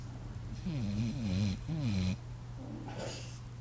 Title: Snoring dog